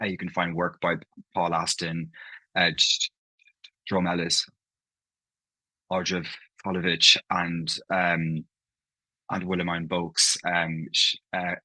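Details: Adult man from Ireland, living in London, who stammers, with part-word and whole-word repetitions heard in his speech; stammering (stuttering).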